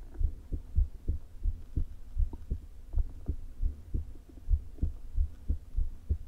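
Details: Woman's heart recorded through a low-placed stethoscope shortly before open heart surgery: soft low thumps at irregularly irregular intervals with faint rumbling between, stomach rumbles present; atrial fibrillation with a leaking valve (regurgitation).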